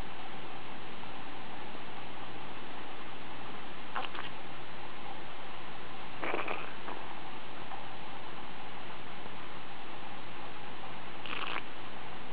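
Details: Loud stomach rumbling from a small dog that shows no pain and later had no diarrhea: low continuous rumbling with brief gurgling bursts; the owner wonders whether it was very hungry.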